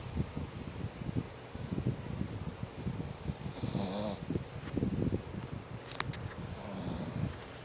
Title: Snoring doa